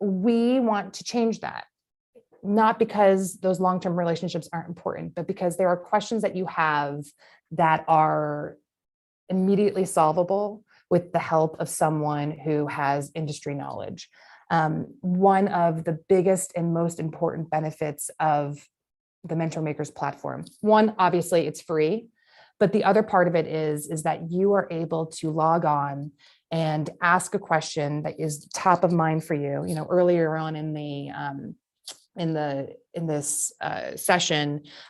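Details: Adult woman speaking; normal speech.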